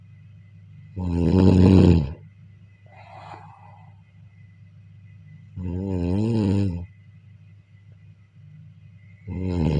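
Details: Deep, groaning snores repeating about every four seconds with a soft snort in between, recorded during sleep: loud habitual snoring.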